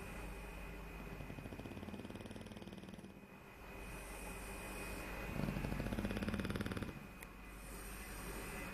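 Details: Snoring: steady, fluttering low rumble rising and falling with each breath, with a faint steady background tone.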